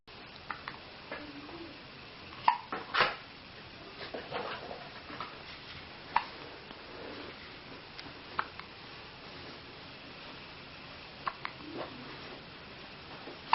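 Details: Baby hiccups: brief sharp clicks recur every few seconds in a quiet room; a common harmless event.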